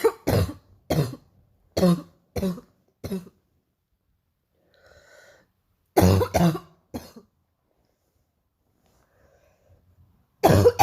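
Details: About ten harsh, forceful coughs in bouts separated by pauses: a repeated, productive-sounding morning cough the person describes as really painful.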